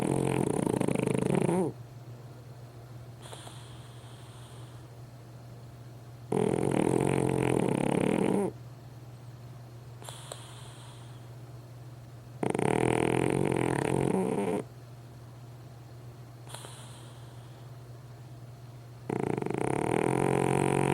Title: My Pug Waldo Snoring!